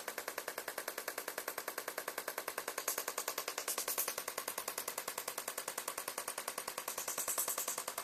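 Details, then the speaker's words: Shockwave therapy for patellar tendinopathy, with knee pain mostly on the inside: rapid, very regular sharp clicking pulses, about 200 a minute, over the quadriceps muscle trigger points, usually 400–500 pulses per spot. Twitching is seen; shockwave therapy device pulses. "we usually hit the tendon above and below the kneecap as well as through some of the muscles of the Quad usually about four to five hundred pulses in each spot"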